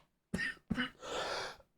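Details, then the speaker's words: Adult who is still sick: two sharp, explosive coughs in quick succession, then a longer rasping throat-clear; cough. "Oh, I'm sorry about the coughing."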